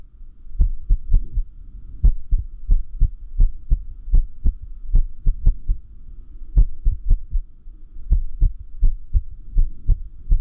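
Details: Irregular heartbeat sound, arrhythmia said to increase with lack of sleep: beats with uneven spacing, some coming early and then pausing.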